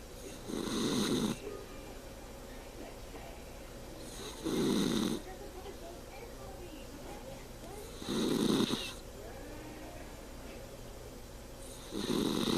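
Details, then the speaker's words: Regular rough snores on each breath, about 16 a minute, over steady room noise; snoring. "you're snoring. you're snoring."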